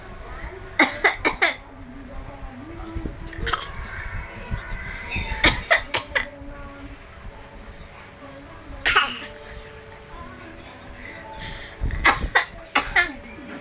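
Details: A child imitates coughing with repeated short, forced bursts in clusters, mixed with throat-clearing and voice; pretend cough, not a real one.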